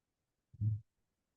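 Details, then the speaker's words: Midsystolic ejection murmur of aortic stenosis: one heartbeat with a brief thump followed by a short, rough, medium-pitched systolic murmur. "El mesosistólico de eyección aórtica. O nuevamente el mesosistólico."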